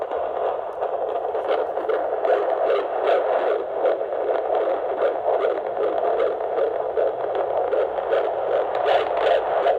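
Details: Fetal heartbeat on Doppler at an OB-GYN appointment at about 22 weeks pregnant (21 weeks 6 days): rapid, whooshing rhythmic pulses.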